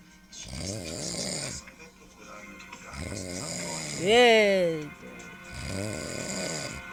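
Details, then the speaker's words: Loud, rough, fluttering snores on each breath, three in about seven seconds, with a television playing in the background; a father snoring while asleep. "Mas o meu pai tá roncando, vocês estão ouvindo?"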